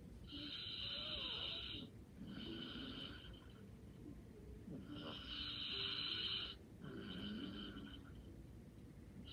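Light, slow snoring with a whistling, fluttery tone on each breath, roughly 13 breaths a minute, in a quiet room.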